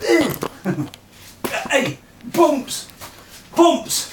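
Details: Vocal tics in a 46-year-old man with Tourette syndrome; a small motor tic developed into full-blown Tourette syndrome after trauma in March 2009, later progressing to loud outbursts of inappropriate language.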